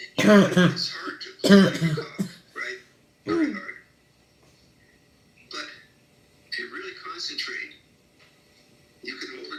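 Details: Chronic non-productive dry habit cough in a child from Australia during a habit cough cessation therapy session: loud, harsh, honking dry coughs with a voiced quality, then quieter bursts, no productive sound.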